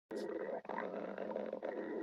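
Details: Continuous low gurgling, bubbling rumble about two seconds long; stomach growling, borborygmi.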